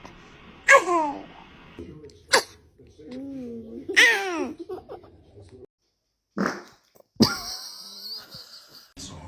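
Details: Babies sneezing: several sharp, explosive infant sneezes, some running into short squeals or coos, with adult voices nearby.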